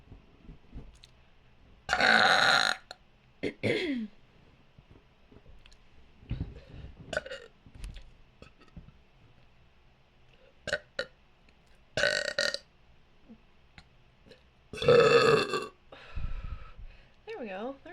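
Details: Adult woman belching after deliberately swallowing air: several loud, drawn-out voluntary belches with short gaps between them, some burp-talking; deliberate burping.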